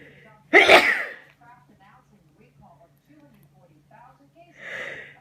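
One loud, explosive sneeze, a quiet pause, then a softer second sneeze or snort; faint hum in the room.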